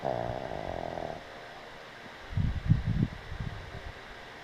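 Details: Boston Terrier asleep on a picnic table: a rough, rattling snore on one breath followed by softer snuffling; snoring.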